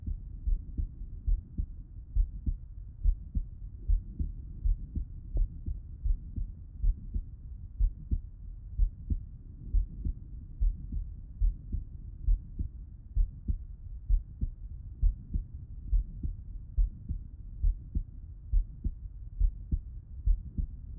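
Steady low thumping heartbeat at about 68 beats a minute, normal heart sounds heard with the patient on the left side.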